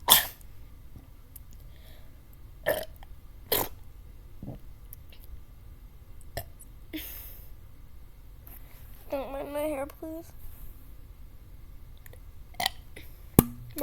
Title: dr.pepper challange (when will i stop burping)(i failed)